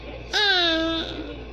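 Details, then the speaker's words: Single short, high-pitched, tonal infant cry under a second long in a quiet room; the baby has hiccups and is thought to be hungry. "Oh, don't cry. Okay."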